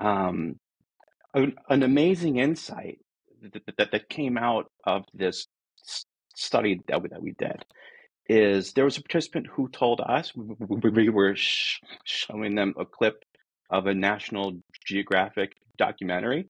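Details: Adult man who states he is a person who stutters; stuttering.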